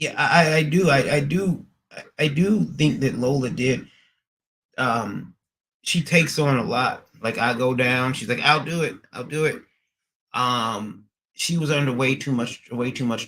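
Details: Stuttering in a male streamer who says he stutters and is in speech therapy, with speech rehab today; he repeats words in this stretch.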